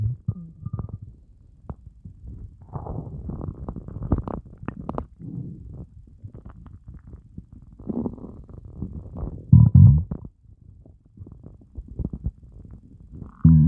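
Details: Hunger stomach growling (borborygmi) after fasting for over 30 hours: low gurgling, rumbling and groaning noises in irregular bursts.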